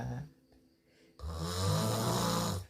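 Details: Person snoring while asleep: a short rattling noise, then after a pause a long, loud, harsh snore on one breath; heavy snoring.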